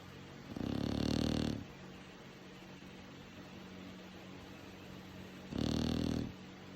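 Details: Dog snoring during sleep: two long, rough, rumbling breaths about five seconds apart, with quiet breathing between them.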